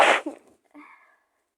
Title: Getting you sick 🤧female sneezes